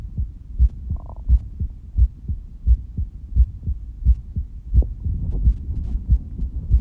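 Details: Adult holding breath with a visible stomach pulse; regular low heartbeat thuds in pairs at about 87 beats a minute over a soft background hum.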